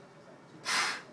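A single sharp, forceful breathy blast of about a third of a second, a maximal forced exhalation into a peak flow meter, with quiet room noise around it.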